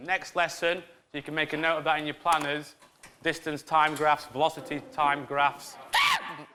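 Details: Adult teacher speaking in a classroom; no disorder.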